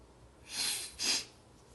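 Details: A soft, hissing two-part burst of air, a quick intake then a breathy expulsion, from a singer during a Weverse live stream at 7 a.m. on June 6, 2023; a stifled sneeze.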